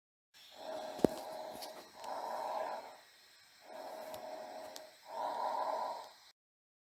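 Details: Teaching recording of normal breath sounds: two smooth, soft breath cycles at about 18 a minute with no added noises.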